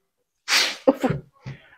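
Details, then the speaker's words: Single sharp, hissing sneeze from a male pet into the owner's face, followed by brief snorting sounds; sneeze. "Your sneezes in my face. Why are your sneezes in my face?"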